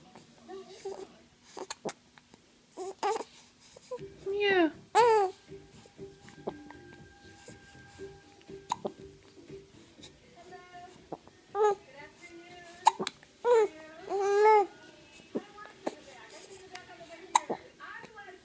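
Several brief, abrupt voiced catches come at uneven intervals over soft background music, consistent with hiccups.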